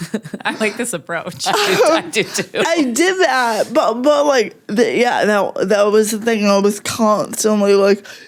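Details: Adult woman with cerebral palsy that mostly affects her speech, making talking harder, and also affects fine motor skills and slightly her walking, with no mobility aid; dysarthria (cerebral palsy).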